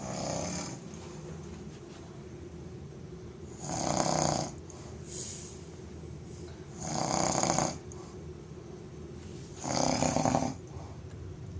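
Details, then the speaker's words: Loud snoring recorded from a sleeping person to show how loud the snoring is. "brightness is 1120, showing you how loud you snore."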